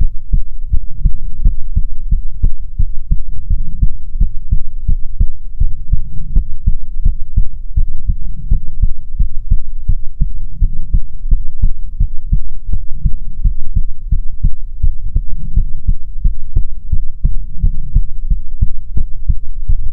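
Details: Soothing ASMR heartbeat recording: steady, regular low heart thumps with a faint hum throughout; a normal heartbeat.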